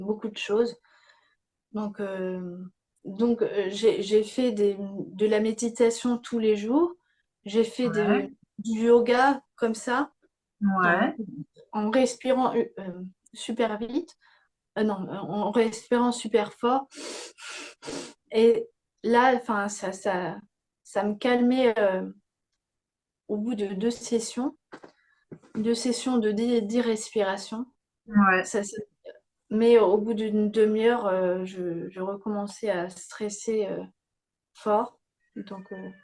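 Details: Young woman with post-stroke aphasia after a stroke at age 22; she reports words no longer coming as quickly as before and having to relearn grammar. Aphasia.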